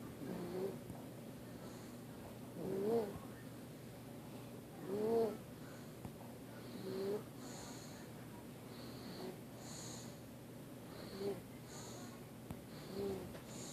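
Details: Male sleeper snoring and moaning: quiet snores with short high whimpering moans roughly every two seconds.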